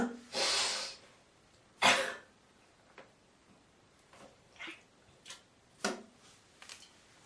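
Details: Girl coughing, hawking and spitting: a harsh hawking throat-clear and sharp cough burst, then softer short throat noises and breaths; cough and throat clearing.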